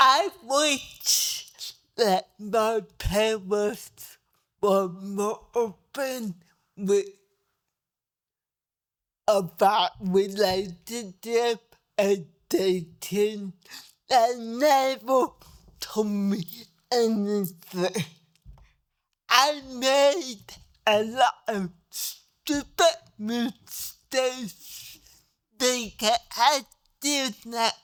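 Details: Dysarthria in a 63-year-old woman with cerebral palsy whose speech new doctors need help understanding; dysarthria.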